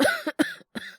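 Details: Acted cough in Japanese voice drama by male voice actor, character a teacher with cough and fever: three quick voiced cough bursts within about a second.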